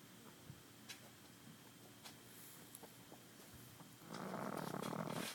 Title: Pug Snores in Grass